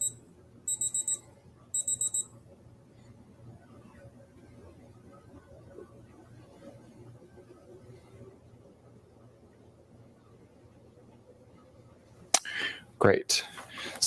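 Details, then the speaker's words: Digital thermometer giving two short high-pitched beeps, then quiet room noise and handling, as a sublingual temperature reading finishes (36.6 °C) during a seated medical-school practice physical exam; heart rate 68 regular, respiratory rate 12. "i'll just gonna take your temperature with this so just hold this underneath your tongue until it beeps okay"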